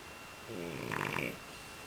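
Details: Loud snoring from a sleeper who dozed off after 2½ hours of playing outside; one short, rough, fluttering snore over a steady background hiss.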